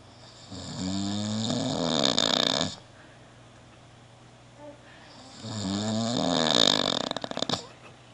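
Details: Two loud, rough, rattling snores a few seconds apart, with a quiet pause between; a man snoring.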